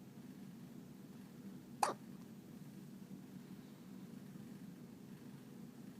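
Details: Little hiccup: a single brief, soft hiccup breaks a quiet room hum partway through.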